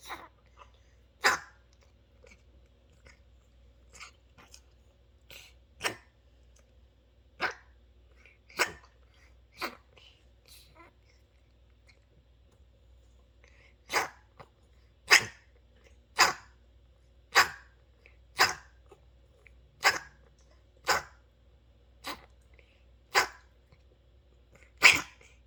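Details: Senior rescue cat with chronic ear and nose issues from untreated mites and infections, recorded for her veterinarian; a run of about fifteen short sharp coughs, many roughly once a second; cat coughing.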